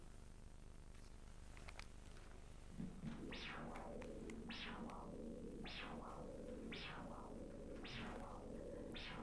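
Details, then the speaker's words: Handheld Doppler probe at 45 degrees over gel in the antecubital fossa of the left arm, locating the brachial artery for ankle-brachial index pressure: static gives way to rhythmic whooshing at about 52 pulses a minute; Doppler arterial signal. "Applying the probe at a 45 degree angle to the axis of the arm and slowly sliding across the line of gel until you intersect the arterial signal."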